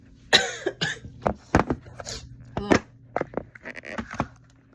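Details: Several short, harsh coughs and throat clearing from an adult who says they are sick, in a quiet room; cough during illness.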